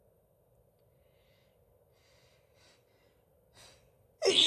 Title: Happy Easter! (Female sneezes)